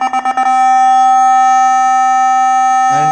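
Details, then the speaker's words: Few quick beeps then a loud steady electronic tone as a Nihon Kohden Cardiolife TEC-5621 defibrillator charges during a self-test, charge button pressed with paddles connected; defibrillator charging tone. "لہذا میں ڈیفبریلیٹر کو check کرنے کے لیے صرف اس charge button کو دباتا ہوں تو یہاں چارج بٹن ہے"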